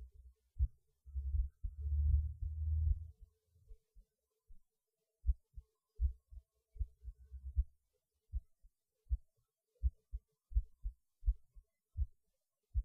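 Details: Normal heartbeat recorded by the person's own choice during a pause in eating lunch; they felt it beating harder, with the rate unchanged: soft, regular low thumps at about 80 a minute, with some rubbing noise early on.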